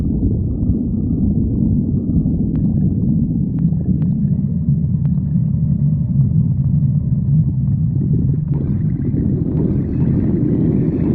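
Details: Stomach growling (borborygmi) recorded up close from an adult's abdomen: continuous low rumbling and gurgling moans.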